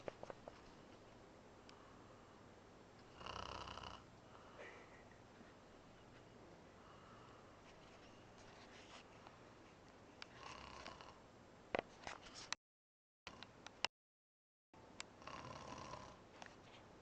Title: haha snoring